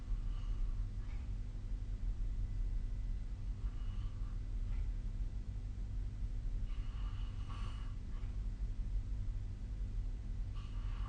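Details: Snoring during sleep, recorded with the SnoreLab snore-tracking app on 2025-05-11.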